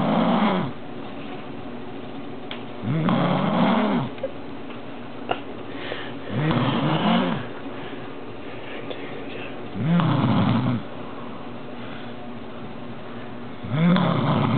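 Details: Snoring from a sleeping woman: loud, regular rattling snores on each breath in, about 17 a minute, separated by quiet exhalations, likened to a lioness, bear or seal.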